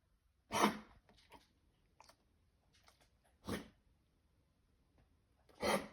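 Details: Dog on day 3 of kennel cough, morning, caught at a park: three short, harsh, forceful coughs with quiet snuffling between them.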